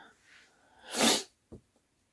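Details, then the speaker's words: Speaker who is still a bit sick sneezes while applying foundation: a single sharp, explosive sneeze after a brief in-breath, followed by a small sniff. "I'm still a bit sick. as you can probably hear from my sneezing."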